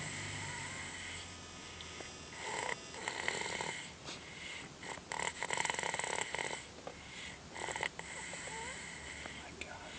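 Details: Male child snoring: repeated raspy, fairly high-pitched, buzzing snoring breaths against steady room noise.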